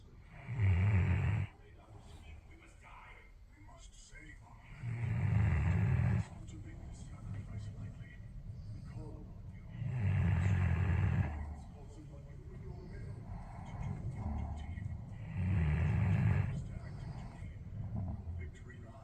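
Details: Sleeping Alabai (Central Asian Shepherd) dog: deep, rumbling snores about every five seconds, roughly 12 breaths a minute, with quieter breathing between them; snoring.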